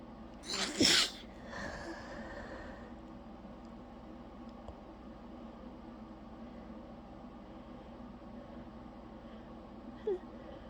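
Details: One sharp, explosive sneeze from an exhausted person, then a soft snuffle and quiet room noise with a faint squeak near the end; sneezing.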